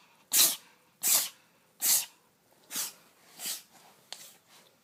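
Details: Cat (kitty) sneezing repeatedly: six quick, sharp sneezes in a row, the last ones softer; sneezing.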